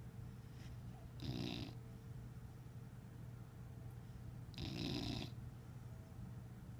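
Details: Dog sleeping, worn out after a weekend with the parents: two soft, snorting breath noises about three seconds apart over a steady low hum, fitting quiet snoring.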